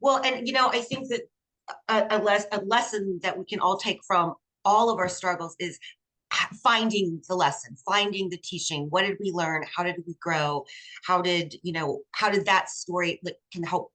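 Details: Adult speaker; typical speech.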